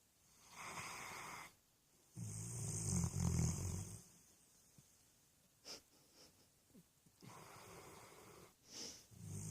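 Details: Puppy snoring: rough, rumbling snores on the breaths with soft snorts in between.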